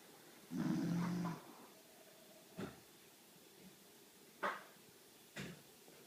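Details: Sleeping male dog snoring: one low rumbling snore, then several short, soft snorting breaths in a quiet room.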